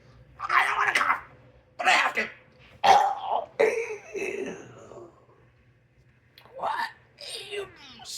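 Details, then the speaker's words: Adult holding in a cough, letting out about six muffled, strained cough and throat-clearing bursts; person mentions vaping and quitting cannabis; suppressed cough. "This is me trying to hold in my cough. I mean, this is me trying to hold in a cough."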